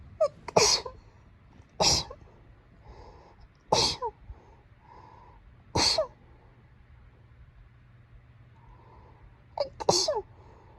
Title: くしゃみ sneeze